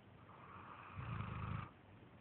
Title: My Sheppard snoring!